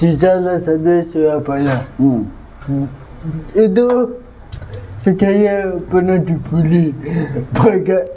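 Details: 22-year-old man with cerebral palsy (physical disability), which was linked to a difficult, delayed delivery at birth; dysarthria (cerebral palsy).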